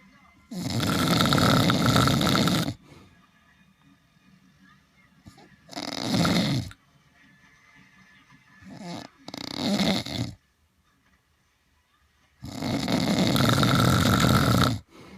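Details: Loud, harsh, rattling breaths in long bursts separated by quiet pauses, about four snores over fifteen seconds; heavy snoring.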